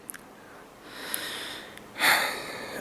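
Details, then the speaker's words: Person with winter allergies acting up: a few quick sniffs and a rising breathy inhale, then one sharp burst of air; a sneeze, which they say jars the head and sometimes causes headache. "get how people can like sneezing it jars my head sometimes I even I'll even get a headache after I sneeze it sucks"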